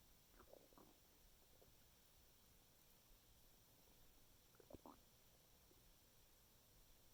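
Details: Soft gurgling abdominal rumbles in two short bursts over a quiet hissing background; a person's stomach noises after eating a chicken Caesar wrap; bowel sounds (borborygmi).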